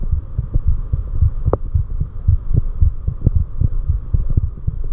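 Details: Own resting heart sounds: regular low thumps at about 110 a minute over a steady hum, with heart rate dropping sharply when the carotid sinus reflex is triggered; normal heart sounds.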